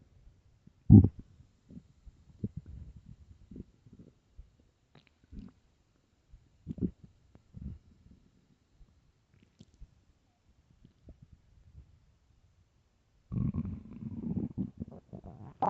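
Low gurgles and short rumbles, then a longer deep growl near the end: hunger-related stomach growling.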